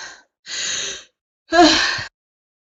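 Repeated sharp, breathy sneeze-like bursts in close succession, part of a prolonged sneezing fit.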